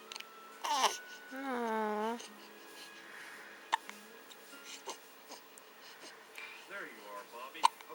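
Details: Infant girl born August 22, 2012, hiccuping after being fed: several brief, sharp hiccups spaced a few seconds apart between babbling and cooing; infant hiccups.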